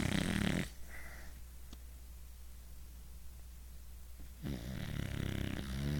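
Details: Dog snoring loudly during ordinary sleep: rough, low snore on the breath at the start and end, with a quiet pause in between.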